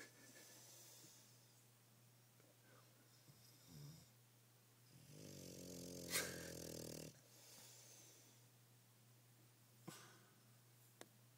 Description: Bulldog Brutus Maximus snoring hard